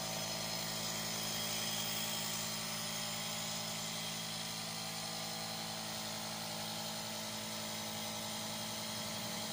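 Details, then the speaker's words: Nursing student return demonstration of nebulization therapy: steady mechanical hum and buzz of a small air compressor driving a nebulizer cup filled with ordered medication, producing fine spray for patient inhalation through a mouthpiece. "fill the nebulizer cup with the ordered amount of medication yes turn on the air compressor observe the fine spray from the"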